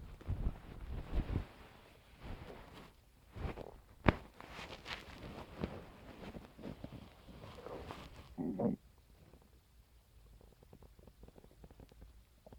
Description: this morning i woke up to the sound of my stomach and decided to record them with my phone for you guys ^-^